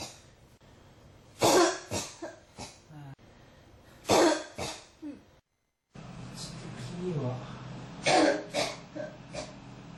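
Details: Adult coughing persistently, repeated bursts in quick clusters with brief pauses between, described as a cough that won't stop; persistent cough.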